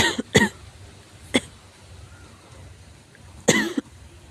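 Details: Severe cough: about five forceful, harsh coughs from an adult, single and paired, separated by quiet pauses.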